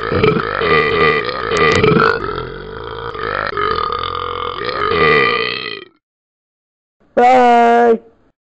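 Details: Talking Ben the Dog app character burping (animated, not a real animal): a long, loud, drawn-out belch, then a second short burst after a pause.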